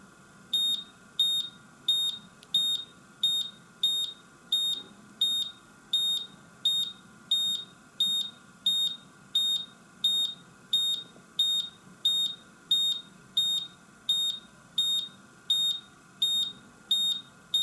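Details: Steady high-pitched electronic beeps, about 87 a minute, from a Visomat OZ 20 fully automatic oscillometric blood pressure and pulse monitor during its functional check; blood pressure monitor beeps.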